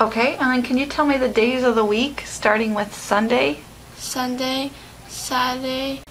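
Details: Adult woman (examiner) and patient in a small room; aphasia.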